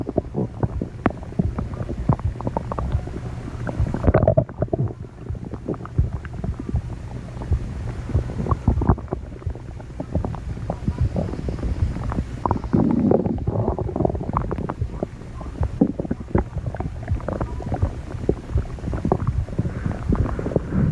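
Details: Continuous low gurgling and rumbling with bubbly pops throughout: stomach growling (borborygmi).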